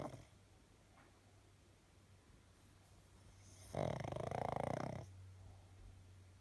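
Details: Pug dog snoring loudly: quiet room, then one loud rattling, buzzing snore on a breath lasting about a second.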